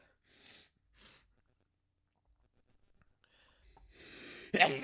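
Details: Stifled and desperate sneezes: quiet breathy build-up gasps, then a sharp sneeze burst at the end, some earlier sneezes held back; sneezing.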